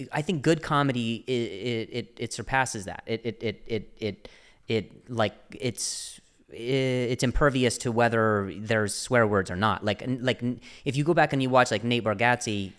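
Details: Adult man who stutters and refers to an injury before starting stand-up; word repetitions; stuttering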